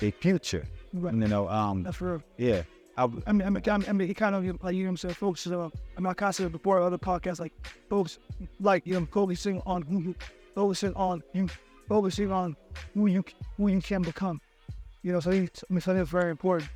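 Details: Stuttering in an adult man who still struggles with his speech impediment.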